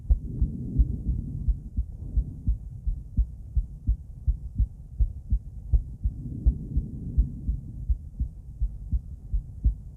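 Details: Female heart auscultated with different stethoscopes at Erb's point, then mitral, tricuspid, aortic and pulmonic sites: regular lub-dub at about 83 per minute with low rumbling handling noise; normal heart sounds.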